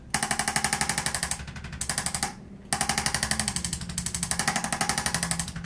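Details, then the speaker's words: Arthrostim handheld chiropractic adjusting instrument used on the back of a former gymnast lying face down, treated for jaw popping and pain: rapid mechanical tapping about four per second with a brief pause. "now this is called the arthro stem it feels like this it makes a noise okay okay there yeah okay tell me if it's too much okay"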